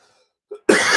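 A brief faint throat sound, then a single loud, harsh cough burst from an adult; an ordinary cough.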